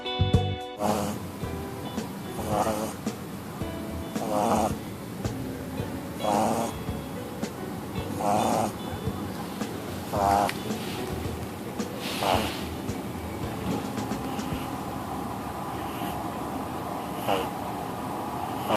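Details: Regular snorting snores about every two seconds, roughly 30 breaths a minute, from Rocki the pug, described as excessive snoring, with background music.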